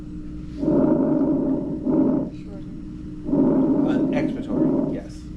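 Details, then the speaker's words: Normal vesicular breath sounds played in a nursing-class lung-sound review: soft, rustling breaths with longer inhale and brief quieter exhale, about 22 a minute over a faint hum; expected, clear lung sounds. "now these are all your expected lung sounds these are what the lungs should sound like okay nice and clear"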